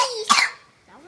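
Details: A child gives a single short, forceful cough, preceded by a brief voiced sound, while being silly and playing before singing; cough.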